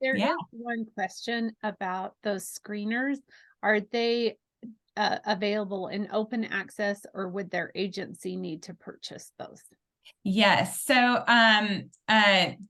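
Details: Adult women talking, likely two speakers; normal speech.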